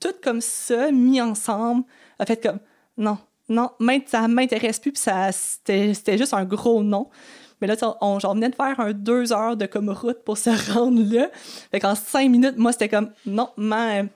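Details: Stuttering in an adult woman who has stuttered since age 6 and had four or five speech therapies in primary school, secondary school and university.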